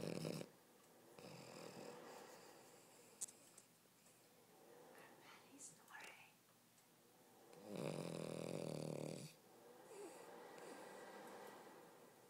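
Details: Snoring said to be getting louder: soft breathy inhalations and exhalations with one louder rattling snore; sleeper's species not stated.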